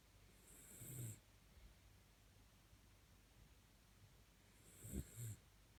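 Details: Female Cirneco dell'Etna dog sleeping in her dog basket and snoring loudly: two slow, rattling breaths about four seconds apart, each with a hissing tail. Snoring.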